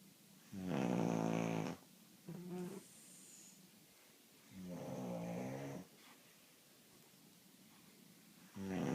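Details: A man snores loudly with rattling sounds on each breath in, roughly every four seconds, with quiet gaps between: ordinary snoring in sleep.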